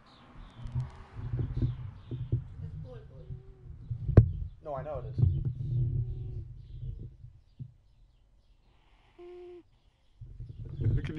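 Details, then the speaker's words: A cat lying right next to its owner during a live stream snores with a low, rough rumble broken by brief high squeaky whistles, with faint room noise. "noise that's my cat [ __ ] snoring"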